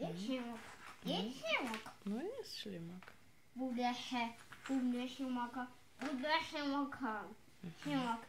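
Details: Autistic child repeating the same phrases while arranging dominoes, with a parent redirecting it toward dialogue; producing even a single sound was once very hard for him; delayed echolalia.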